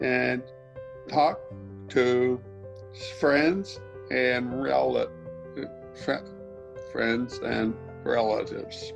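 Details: Severe aphasia in a man after a stroke five years earlier, speaking while using a Lingraphica communication device.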